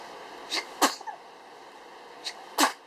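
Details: Newborn baby aged 19 days, sneezing and hiccuping: two small, sharp sneezes, each with a brief soft intake before it; a normal newborn sneeze.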